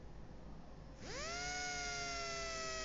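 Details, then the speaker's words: Low-speed dental handpiece with cylindrical bur 1092 defining surrounding walls of a class I cavity preparation for composite resin; quiet hiss, then drill spins up to a steady mid-pitched whir. "Para eu definir as paredes circundantes, eu vou usar aqui em baixa rotação uma broca cilíndrica 1092, mas eu também posso usar a 245 ou a 1151, que tem um formato tronco cônico invertido."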